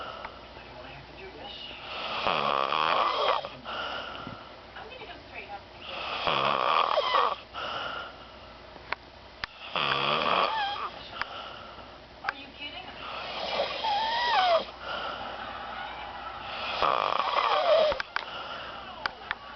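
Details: Snoring: loud, rattling snores on each in-breath, about 17 a minute and somewhat irregular, with quiet breathing between them.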